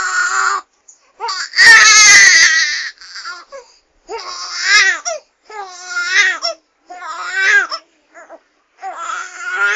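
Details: Baby crying in repeated high-pitched wails separated by short breathing pauses; sound effect recording of infant crying.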